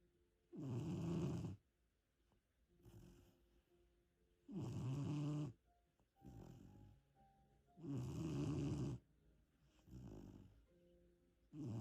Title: Loud snore by a 3 months pup